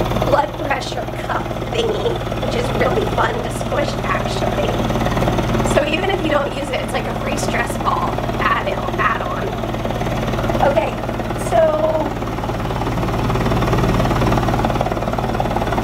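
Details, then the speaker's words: Hill-Rom Vest 105 high-frequency chest wall oscillation, from a vlog about living with cystic fibrosis, frequency at setting 20; a steady low throbbing hum shakes the wearer's sustained voice into rapid, fluttering pulses. "so you can hear that my voice is going quicker and quicker and quicker with the faster that I turn up the frequency on the best setting"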